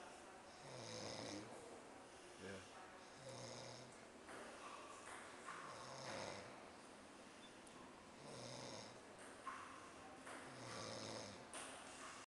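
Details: Adult male teacher recorded asleep on a trip: repeated low rattling breaths in a quiet room, roughly twelve a minute; steady, loud snoring during sleep.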